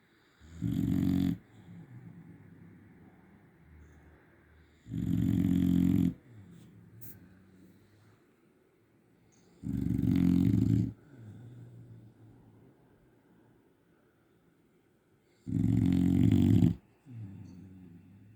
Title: Snores like a tractor! #dog #shorts